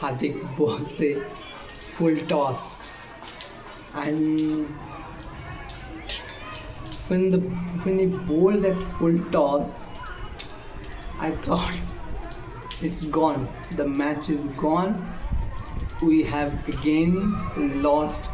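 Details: Male speaker who states he stammers, with sound repetitions on initial sounds; stuttering.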